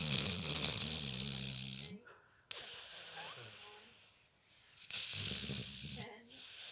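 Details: Slow rhythmic breathing with a low snoring rumble on each breath in and a hissing breath out, about two and a half seconds per cycle; snoring.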